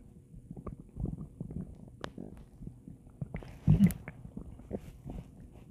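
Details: Low, irregular gurgling rumbles with a louder burst near the end: ordinary stomach growling (borborygmi) from gas and fluid moving through the gut.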